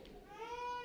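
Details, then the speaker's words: Baby held by a costumed demon in a temple main hall at a Setsubun festival: a brief, high, wailing infant cry rising and holding a strong, clear tone; infant crying. "3年ぶりに鬼が赤ちゃんを抱っこ久しぶりの鳴き声が本堂に響きました"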